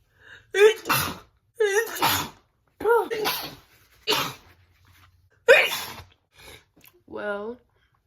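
A run of about five forceful sneezes, each a sharp intake followed by an explosive burst, then a short vocal sound; repeated sneezing with hay fever.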